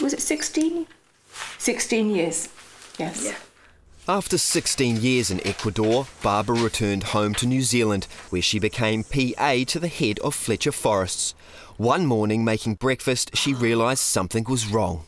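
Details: Adult male narrator; normal speech.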